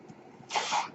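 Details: Mechanical ventilator noise from the speaker's own ventilator, heard in the background of his podcast recording.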